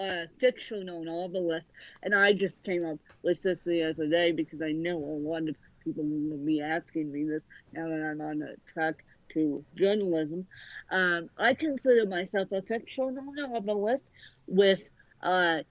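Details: Dysarthria in a woman author born with cerebral palsy affecting both sides of her body; her speech is largely unintelligible to automatic transcription.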